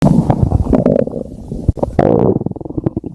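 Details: Loud, low gurgling and rumbling with bubbly pops: ordinary stomach growling (borborygmi) from gas and fluid moving through the gut.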